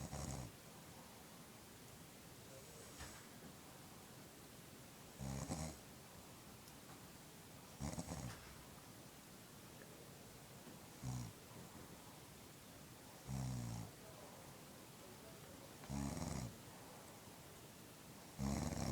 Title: Wife Sleeping and Snoring